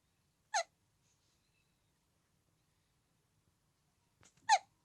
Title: Cutest hiccup ever!! 最萌的打嗝